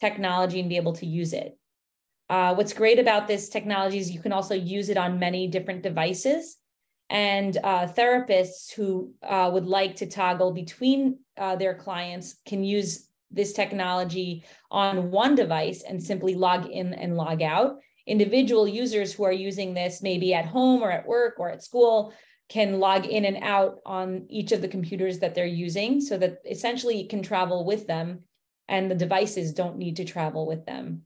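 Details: Adult woman speaking; typical speech.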